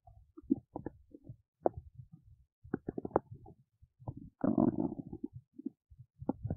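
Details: Belly noises while digesting oats: frequent short gurgles, pops and a longer rumbling squeal, ordinary active bowel sounds.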